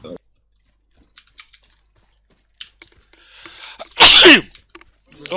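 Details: Male streamer sneezing while gaming: in a quiet room with keyboard taps, a short in-breath, then one loud, explosive, ordinary sneeze.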